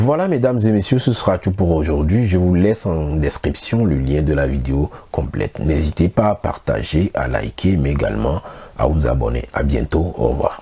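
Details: Adult male speaker; normal speech.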